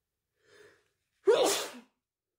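A soft intake of breath, then one sharp, explosive sneeze. An ordinary single sneeze.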